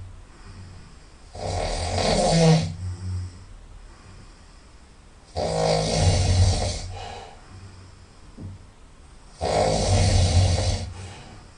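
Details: Loud, deep, rattling snores about every four seconds, roughly 15 a minute, with a nasal, snorting quality; very loud nasal snoring.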